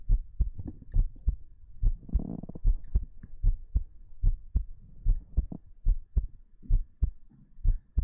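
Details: Heartbeat ASMR recording: clear paired heart thumps at about 75 a minute in a steady rhythm, with soft whispering over them in places.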